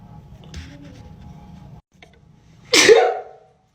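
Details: A single loud, explosive reflex sneeze in a quiet room, triggered by a COVID-19 nasal swab test.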